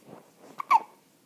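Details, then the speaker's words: Infant in a bee outfit with hiccups: quiet breathing, then a sudden short catch and a sharp little voiced hic; a common harmless reflex. "have the hiccups. I have the hiccups."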